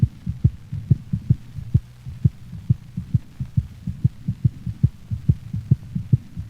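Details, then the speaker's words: Normal dog heart sounds recorded over the pulmonic valve region, left sternal border third to fourth intercostal space, dog standing: steady paired lub-dub at about 130 beats a minute, second sound shorter and higher-pitched than the first. "the second heart sound is shorter and of higher frequency than the first sound it is best heard over the pulmonic valve listen to a normal dog's heart sounds recorded over the pulmonic valve"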